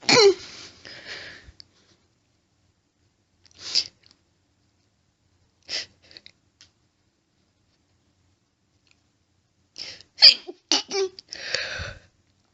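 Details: Female, intense fit of deliberately stifled sneezes that make her nose itchy: several sharp, hissing, harsh stifled sneezes, some in rapid clusters, separated by silence.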